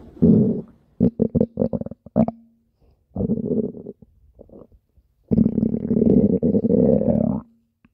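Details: Rabbit's belly: low gurgling rumbles in irregular bursts with short quiet gaps, normal bowel sounds of digestion.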